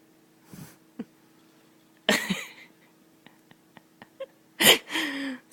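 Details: Infant aged 5½ months giving a few short, breathy coughing bursts mixed with laughter, with small clicks between; cough-laughs.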